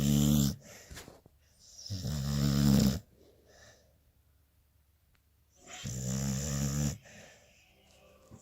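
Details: Loud, rattling snores with quieter breaths between them, about three in eight seconds, from a sleeping beagle; ordinary snoring.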